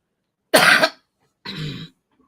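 Two short, harsh coughs from an adult in a quiet room, the second rougher and more throaty; a dry, non-productive cough lingering after COVID.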